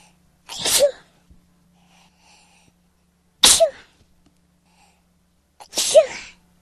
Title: Trying to stop sneezing